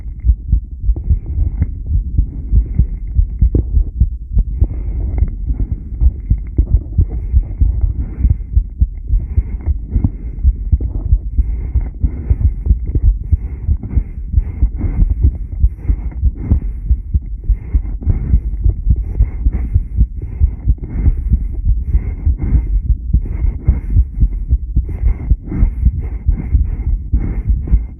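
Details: Subject b1, rebreathing, 10-lead recording: repeated low heart thumps under heavy low rumble.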